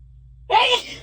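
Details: Single brief, sharp, voiced sneeze after a quiet pause, fading quickly; deliberately induced sneezing, nose very itchy and tickly, eyes watery, feeling light-headed, with much hitching and false starts.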